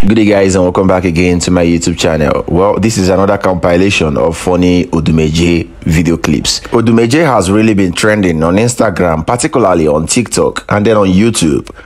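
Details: Adult male narrator; Normal speech.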